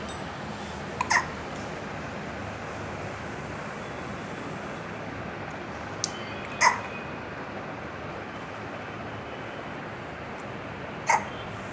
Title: Cute Baby Hiccups